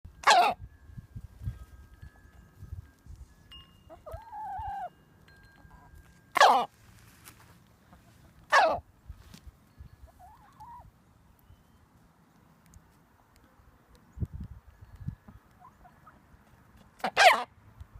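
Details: Chicken strolling around a yard with hiccups: four brief, sharp, hiccup-like squeaks spaced several seconds apart, with faint clucking between.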